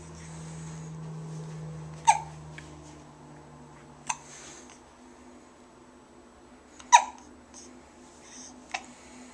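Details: Child with frequent hiccups on a changing table: four short, abrupt hiccup sounds at irregular intervals over about nine seconds, with faint room hum; hiccups.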